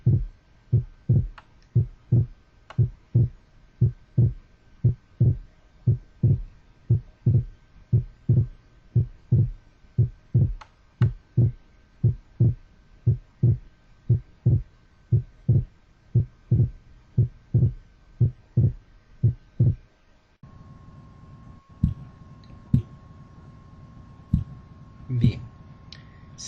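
Simulated heart sounds, regular at about 58 a minute, with a faint steady hum behind them: persistent splitting of the second heart sound.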